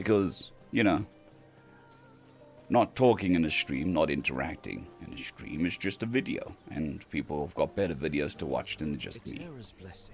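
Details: Man on day 2 of recovery stream after vocal cord surgery; cords mostly healed but lacking strength and stamina, physiotherapy pushing the voice, sounds like laryngitis. Finding: dysphonia after vocal cord surgery.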